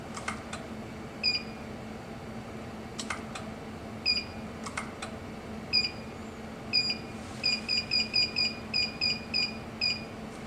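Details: Therapeutic ultrasound unit, BNR 3.3:1, beeping as intensity starts at 1 for vigorous thermal heating of a tight Achilles tendon before stretching, gel applied: short high electronic beeps, single then quick runs, over low hum and clicks.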